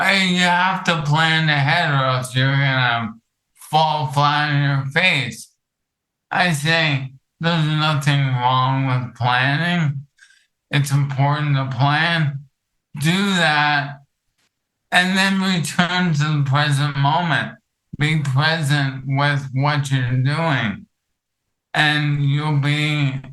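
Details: Dysarthria from ALS in an adult male, with the disease affecting his vocal cords and making it difficult for him to talk for long periods.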